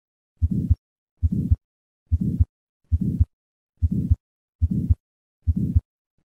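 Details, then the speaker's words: Regular heartbeat, about 70 a minute, with a soft murmur between the two heart sounds as blood accelerates through a normal aortic valve with audible turbulence; innocent flow murmur, contrasted with aortic valve sclerosis. "blood leaving the left ventricle is accelerated through the reduced cross-sectional area of a normal aortic valve with sufficient turbulence to cause an audible murmur listen once again to a patient with an innocent murmur"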